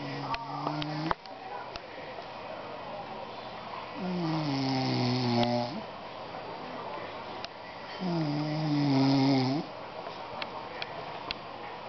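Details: Loud, drawn-out groaning snores with a voiced, moaning quality, about two breaths a few seconds apart, over faint room noise, from a sleeping father: snoring.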